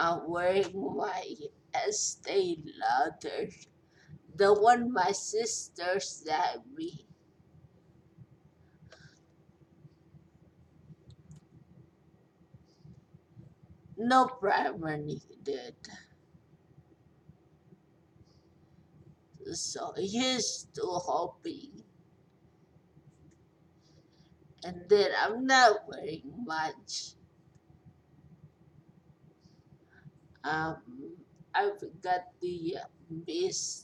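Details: 43-year-old woman after a major stroke with long recovery, who says she is hard to understand, with repeated and garbled words; acquired speech impairment after stroke.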